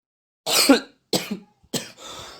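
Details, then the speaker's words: Three acted, staged coughs from an adult demonstrating cough etiquette, each a sharp burst fading off, the last trailing into a breathy hiss; cough. "siapa yang belum pernah mengalami penyakit yang bernama batuk sebagian besar pasti pernah menderita penyakit yang satu ini"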